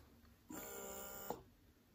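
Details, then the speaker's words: Steady high electronic motor whine for under a second from a Momcozy wearable hands-free breast pump on the let-down setting with suction being turned up, ending with a click as it stops. "so i'm going to press the let down feature and i'm going to turn it up you can see the different lights here and that increases how hard it's going to pull that milk out and you can see as it's doing this it's pumping right in the center there"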